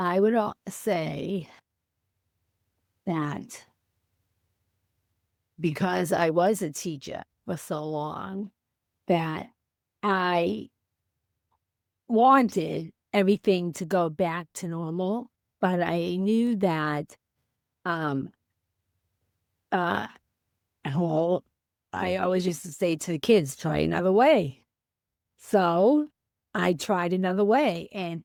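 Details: Female teacher with aphasia after a stroke on January 28, 2010, about 15 years post-stroke; she could not speak at all for three months afterward; aphasia.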